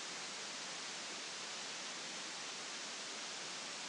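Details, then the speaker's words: Widex Zen noise tinnitus masker played from hearing aid software: a steady, even hiss of random noise, a fairly standard masker for tinnitus relief. "उनके पास अपना Zen शोर भी है।"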